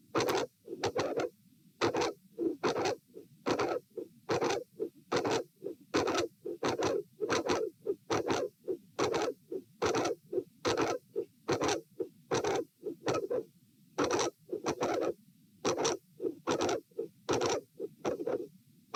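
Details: Heart sounds recorded at position A during an auscultation stress test (lying, sitting, standing) in dilated aortic root: very loud mid/late systolic sound with murmur at S2; aortic vascular click.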